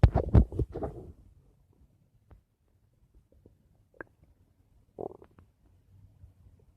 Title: My Stomach Making Noise 3